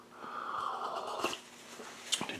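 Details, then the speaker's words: Stomach growling (borborygmi) in an adult who slept very late and had probably not eaten for about 16 hours, heard while preparing breakfast; audible gurgling of the stomach. "so I slept really really late so my stomach is growling going give me the rest of that food not 10 minutes from now but right now this second"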